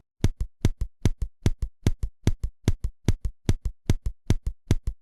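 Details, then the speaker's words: Simulated heart auscultation of tachycardia with preserved rhythm: fast, evenly spaced paired heart sounds at about 145 beats a minute, regular tachycardia. "сейчас послушаем работу сердца при тахикардии когда сохраняется ритмична работа"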